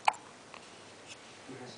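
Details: Young baby boy with hiccups, which he seems to get every day after feeding: a single sharp, brief catch of breath over faint room noise.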